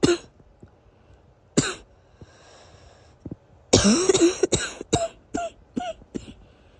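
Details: Somewhat wheezy morning cough after days of sniffling and coughing following a weather change: about eight coughs in spaced bursts, some with a whistling, wheezy tone.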